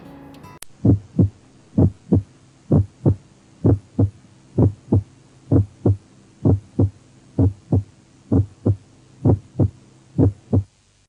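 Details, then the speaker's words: Regular heartbeat near 63 a minute with a split first heart sound, as from asynchronous mitral and tricuspid closure in right bundle branch block. "a slip s1 is usually heard in a setting of a right bundle branch block because in rbb the electrical impulse regular left ventricle earlier right ventricle resulting in mitral and tricuspid valves to close at different times"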